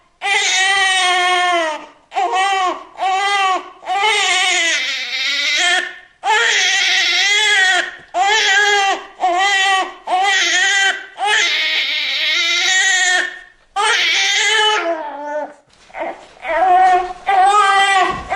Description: New Born Baby Crying Sound Effect presented by Good Vibes YouTube Channel.